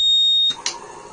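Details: Alarm from an automated Ambu-bag (bag-valve-mask) mechanical ventilator made by Mahindra: a single high-pitched steady electronic tone lasting about half a second, then faint room noise: a ventilator alarm.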